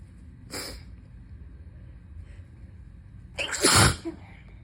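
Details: Two sneezes from an adult still sick with fever and nasal congestion, a small one then a loud, wet, congested one, part of a long sneezing fit.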